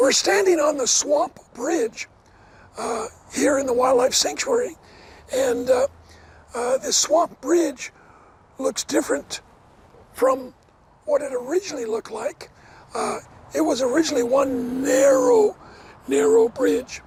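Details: Adult man with dysphonia after partial vocal cord resection: one third of the vocal cords removed in 2008 after two bouts of vocal cord cancer, first diagnosed from hoarseness; he never smoked, and the cancer was probably caused by secondhand smoke.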